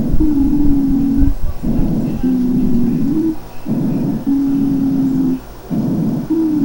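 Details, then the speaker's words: Asthma-type wheezes: sustained musical whistle on each breath, mainly expiratory, air forced through spastic small and medium airways narrowed by mucosal edema, muscle spasm and hypersecretion; chest auscultation teaching example. "ruth el silbido del aire al pasar forzada a través de tubos respiratorios espásticos de tubos respiratorios de un calibre muy inferior al que normalmente tiene"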